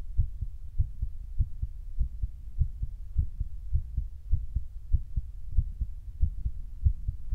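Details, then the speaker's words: Own heartbeat recorded for ASMR: steady paired lub-dub thumps at about 100 beats a minute; described as beating faster than before recording, for unknown reason; normal heartbeat. "like 60 to like 80 beats per minute is good."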